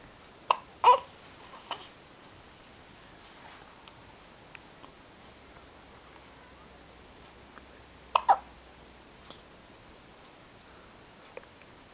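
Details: Isaac hiccuping: several brief, sharp throat gulps spaced seconds apart, a pair near the start and another pair later, in a quiet room; hiccups.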